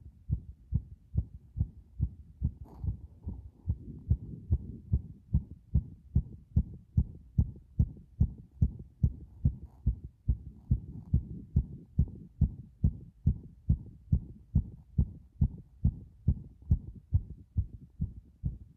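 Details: Heartbeat recorded with pressure against the chest after a bath: strong, regular low thumps at about 143 a minute, a fast rate.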